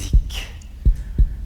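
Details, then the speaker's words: Deep, regular paired lub-dub heart thumps over faint hiss: normal heartbeat. "vous avez le bruit vous savez que le coeur ça s'écoute ça s'écoute avec cet instrument qu'on appelle un stéthoscope"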